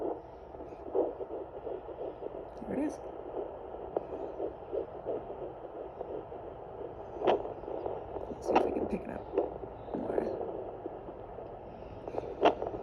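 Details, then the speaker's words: Fetal heartbeat at 10 weeks 2 days of pregnancy on a Sonoline B home fetal Doppler: rapid, rhythmic whooshing pulses, much faster than the mother's own heart rate; the device display was not reading the rate accurately. "there we go I don't think that's an accurate heart rate on there right now but you can hear it"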